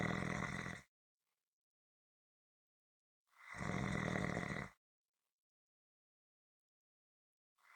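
Loud rough rattling snores on each in-breath, separated by silent pauses of about two and a half seconds: rhythmic snoring.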